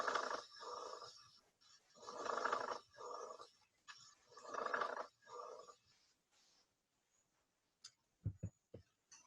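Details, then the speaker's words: Pleural friction rub: an irregular, discontinuous, coarse grating and creaking sound, louder on inspiration, longer and lower in pitch than other abnormal lung sounds, heard through three breaths. "o atrito pleural é um ruído irregular e descontínua mais intenso na inspiração e de maior duração e baixa frequência se comparado aos outros sons anormais"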